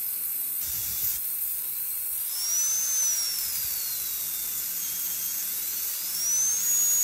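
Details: High-speed dental drill whine with hiss, pitch sliding up and down with load, during a Class II interproximal cavity preparation under rubber dam isolation, extending the proximal box gingivally to break the gingival contact.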